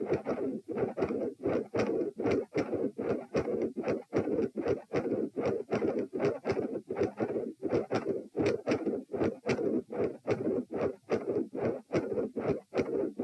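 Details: Doppler probe at position P during a lying-sitting-standing-lying posture stress test, edited with some skips: rhythmic whooshing heart sounds about 76 a minute, with noisy flow sounds from multiple heart murmurs.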